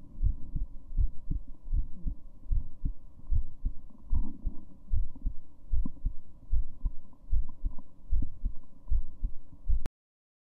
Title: Female heartbeat